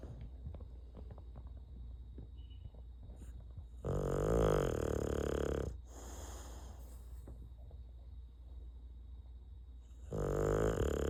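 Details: A sleeping bulldog after lights out: two loud, rough, rattling snores over a steady low room hum, the noisy sleep breathing of a flat-faced dog.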